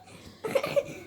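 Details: Child gives a brief burst of two quick, loose coughs in a small room.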